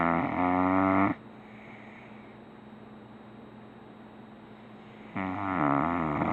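Two loud, rattling, buzzing snores separated by a quiet pause; a sleeping dog snoring.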